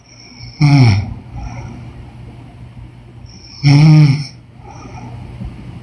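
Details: Woman snoring: two loud, rough rattling snores on breathing in, about three seconds apart, with quieter breath sounds between them.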